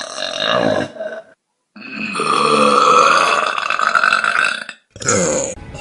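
A long, loud, drawn-out belch follows a shorter one, then a brief third; repeated burping.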